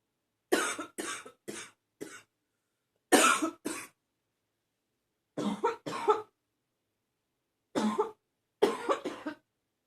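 About eleven short, harsh coughs come in clusters of two to four, each with a rough barking quality. A barking cough.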